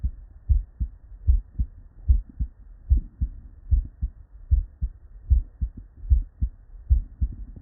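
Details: Real, unedited human heart sound recorded at the bedside: steady lub-dub pairs at about 75 beats a minute, crisp first and second sounds with silent pauses between; normal heart sounds (S1 and S2).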